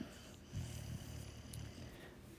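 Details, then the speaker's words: Soft, low rumbling snore from a dog sleeping in the owner's lap, under room noise; ordinary dog snoring. "I'm sorry if you can hear this dog snoring. He's laid up in my lap, and I don't have the heart to move him."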